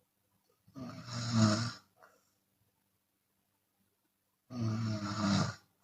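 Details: Chinese woman sleeping with open mouth, sometimes exhaling audibly: two loud, harsh snores on the in-breath, each followed by a soft out-breath, about four seconds apart; open-mouth snoring.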